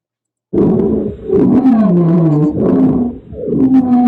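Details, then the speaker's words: Loud, low-pitched musical tones rising and falling with breathing, wheezes usually heard on expiration: coarse wheezes from narrowed airways. "Uh, coarse crackles, same kind of idea, bubbly sound, wheezes are usually heard on expiration, so when people breathe out."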